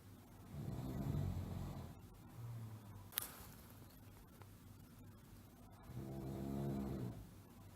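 Low, rumbling snores on inhalation with quiet pauses between them, under faint background hiss.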